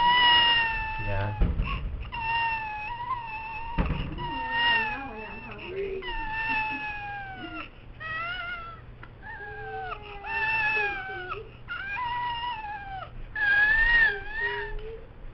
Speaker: this would be called cried ooh chat syndrome and it kind of stands for in French for cats cry and here's a clip to give you an idea of why it might be called that